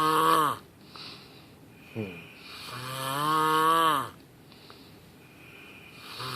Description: If you sound like a lawnmower when you snore, you'll probably end up dying in your sleep.